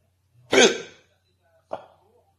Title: my hiccups wont go away